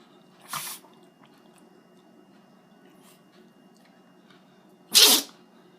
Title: Sneezing Dog